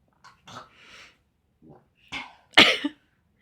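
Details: Person during a bout of hiccups while trying home remedies: a few soft breathy sounds, then one sharp, loud cough-like burst; a single cough.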